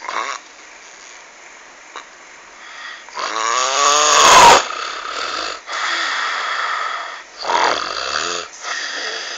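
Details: Heavy snoring: very loud, rasping snores with snorting, rattling peaks against steady room noise; described as scary-sounding.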